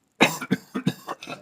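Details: Man with lung congestion that has gotten better, possibly a lung infection, gives a quick run of five or six harsh cough bursts, the first strongest: cough with lung congestion.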